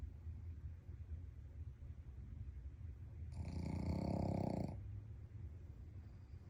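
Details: Male Shih Tzu in deep sleep gives one loud, rattling, buzzing snore of about a second and a half over steady low room noise; snoring.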